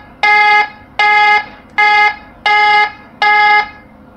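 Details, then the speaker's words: lifePOINT PLUS defibrillator in AED mode during equipment demonstration: repeated loud electronic alarm tones, about five half-second blasts in four seconds, before being silenced with the alarm-off button; defibrillator alarm. "if you want to silence the alarm just press this alarm off"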